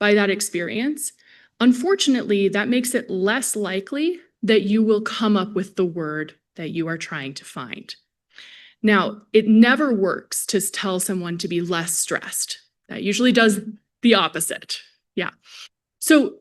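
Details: Adult woman presenter; Normal speech.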